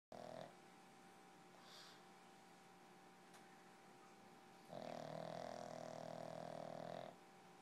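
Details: Pug snoring: two rough, buzzing breaths, one short and one long, over quiet room noise; the pug's snoring reportedly outdoes that of three French bulldogs.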